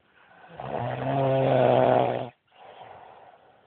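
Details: Adult man snoring badly: a loud, rumbling, rattling snore on the in-breath lasting about two seconds, then a softer airy out-breath; heavy snoring.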